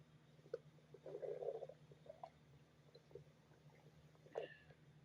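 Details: Ordinary stomach growling: faint gurgles and a brief low growl against a steady hum.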